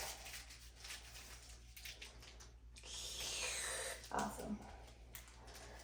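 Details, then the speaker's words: Brief rushing hiss of suction catheter tested before tracheal suctioning of a tracheostomy patient in a nursing OSCE simulation, against quiet room noise. "all right go ahead and use this I want to test it to make sure it works"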